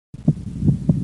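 Low heart sounds with a second sound that splits on breathing in, a normal finding.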